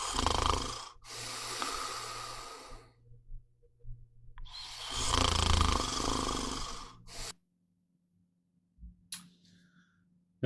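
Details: Loud, rough snoring breaths with a rattling low flutter, separated by brief pauses during sleep; a sample of troublesome snoring.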